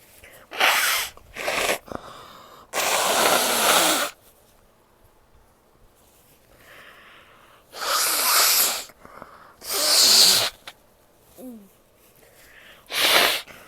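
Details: A female: several loud, explosive sneezes with nose blowing between them, in a quiet room; sneezing.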